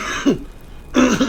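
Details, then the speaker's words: Adult getting over a cold and flu gives two short, harsh throat-clearing bursts separated by a brief quiet pause. "sorry I'm getting over a cold I'm getting over a flu and then my oh God sorry my voice sounds terrible"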